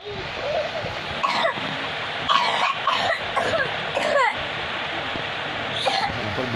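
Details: 3-year-old child with two months of hundred-day cough after a cold, before homeopathic treatment: paroxysmal cough attacks with the face turning dark red, repeated clustered bursts with strained, voiced edges.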